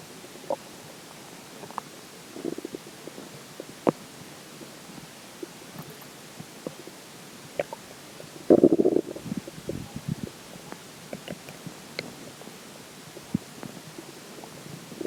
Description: There are some weird sounds in this particular water stomach growls.